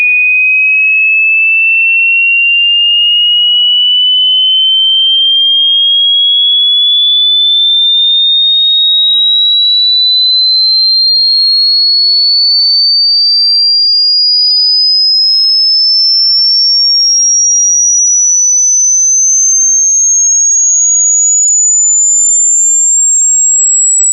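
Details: Simulated tinnitus: a steady, pure high-pitched whistle slowly climbing in pitch, imitating ringing in the ear.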